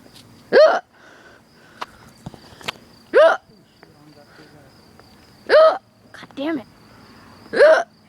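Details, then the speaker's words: Person with recurrent hiccups: four sharp voiced hiccups with a gulping rise, about every two to two and a half seconds; hiccups. "yeah yeah I got hiccups again huh if you can't"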